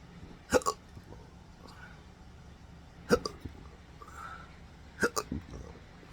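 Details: Persistent intractable hiccups since December 2015, after surgery left nerve damage affecting the pudendal, phrenic and vagus nerves; three sharp, abrupt vocal hiccups about every two seconds, some doubled with a throaty catch.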